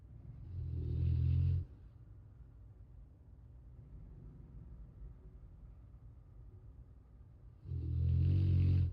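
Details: Sleeping animal, T-bone, snoring on 8/19/23: two deep, rumbling snores about seven seconds apart, with quiet breathing between.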